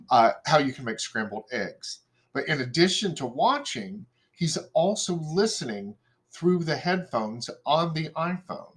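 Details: Adult presenter; typical speech.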